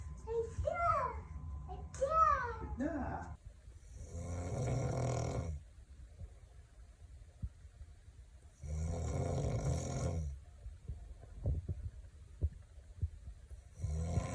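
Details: 19-month-old toddler imitating his father's snoring: brief voice sounds, then three loud, rattling snore-like breaths.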